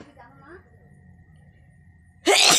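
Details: Deliberately induced sneezing, nose tickled with a grass flower: soft tonal sounds, then one loud explosive sneeze at the end; a single ordinary sneeze.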